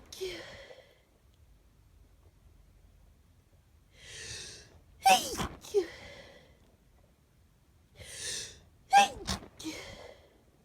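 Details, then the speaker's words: Person with a mild head cold, stuffy and runny nose but feeling well: three sneezes, each starting with a gasping intake and ending in a sharp, partly held-back burst. "of compilation video of sneezes I've had that I've caught on camera over the past couple of days or so. I have kind of like half a cold, I'm quite stuffy and my nose runs quite a bit, but I feel fine in myself."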